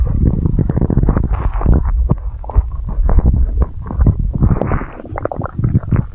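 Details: Continuous deep rumbling and gurgling, loud and close-up, without pauses, from an ASMR recording; stomach growling (borborygmi).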